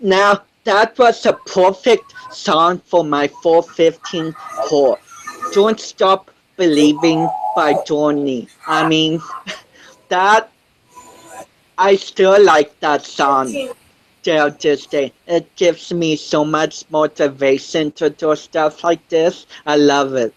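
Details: 25-year-old man with cerebral palsy since birth, which he says affects his balance, coordination and speech; doctors said he would never walk, and he is now a powerlifter; dysarthric speech (cerebral palsy).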